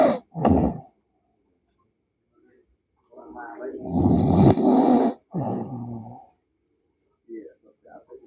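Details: Person snoring during sleep, with background music: loud, harsh, rattling snores in irregular bursts separated by quiet pauses.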